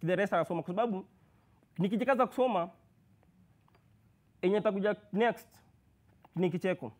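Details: Male university student who has stammered since birth, with blocks, prolongations and repetitions; worse when anxious or in public; stuttering.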